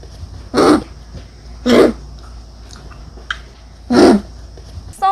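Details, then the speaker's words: Dog, wet (productive) cough: three separate harsh, moister coughs with quiet pauses, the kind linked to exudate in the lower airways such as pneumonia or pulmonary edema. "이것은 습성 기침이라고 볼 수 있는데 폐야에 문제가 생겼을 때 삼출물이 같이 생기는 경우들이 있어요"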